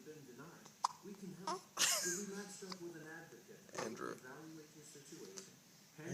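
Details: Hiccups in the speaker's nephew: several short, sharp, irregularly spaced hiccup sounds over quiet background talk.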